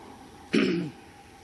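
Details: Adult woman giving a Wellesley College commencement speech: a single harsh throat-clearing sound, close to a short cough, during a coughing bout, against quiet room noise.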